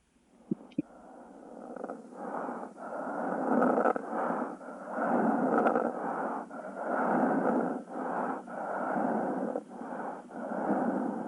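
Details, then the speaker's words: Death rattle (sororoca) in a patient in the active dying phase: bronchial hypersecretion from lost swallowing and relaxed throat muscles, heard as a loud, wet, gurgling rattle with each slow breath, about 13 a minute. "Eu vou colocar aqui o som da sororoca para vocês entenderem como que é esse barulho, tá?"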